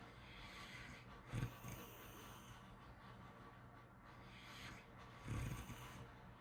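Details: Snoring during sleep: two low, rattling snorts about four seconds apart over steady room hiss.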